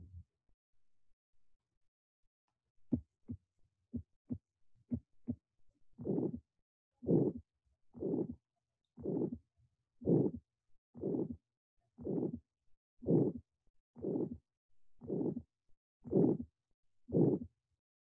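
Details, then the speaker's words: Severe aortic stenosis systolic murmur, ejection murmur at the third right intercostal space: regular heartbeat near 58 a minute with a harsh, swelling murmur filling each beat. "an example of systolic murmur is severe aortic stenosis"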